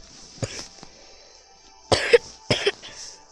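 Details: A few short, harsh coughs in quick bursts over faint background music, from a gamer with a bad cough while playing Clash of Clans.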